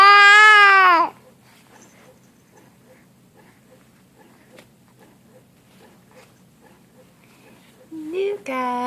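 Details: Infant crying in a clip about the baby sneezing: a high, strained, tonal wail lasting about a second, a long quiet gap, then crying starts again.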